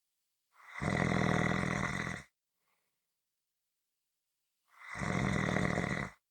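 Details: Two harsh, rattling snores separated by a long silent gap in a slow, steady rhythm: ordinary snoring.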